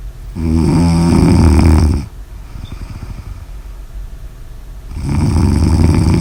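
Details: Loud, low, rattling snores on the in-breath, separated by a quieter pause with soft breathing; ordinary snoring.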